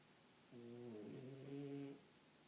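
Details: Pet snoring while asleep and dreaming, with lips and feet twitching: a single soft, drawn-out droning snore on one breath.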